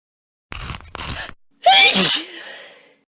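Two short catching in-breaths followed by one sharp, explosive voiced burst that trails off: a single sneeze.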